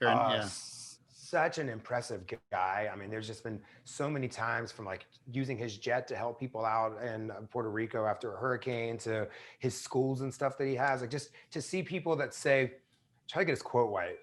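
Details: Adult male with residual r/w substitution (rhotacism), treated with speech therapy throughout elementary school and now largely corrected; a brief slip heard on an r-word.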